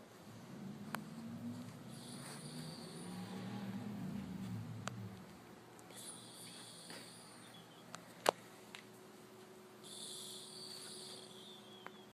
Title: Wheezy snore